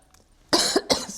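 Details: Adult woman snorts and gives two short, sharp cough bursts after a quiet pause, while talking.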